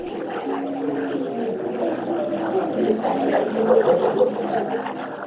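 Muffled, garbled café chatter with a steady high-pitched ringing over it: a simulation of hearing loss with tinnitus in background noise.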